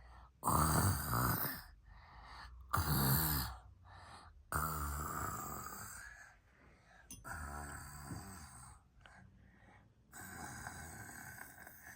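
Loud, rough, drawn-out snore-like breaths about every few seconds, made deliberately as an imitation in a snoring game.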